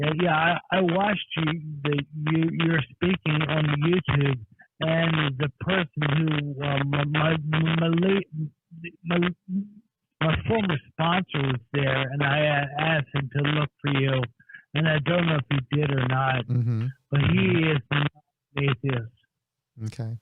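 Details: Acquired speech impediment caused by a major auto accident, which left the caller on Social Security; the impediment is audible in his voice.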